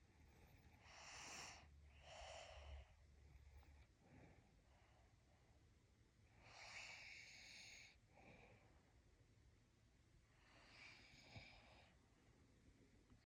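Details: Slow, noisy sleep breathing with hissy, snorting inhalations and exhalations, about 13 breaths a minute, over faint room noise; snoring from a father or daughter.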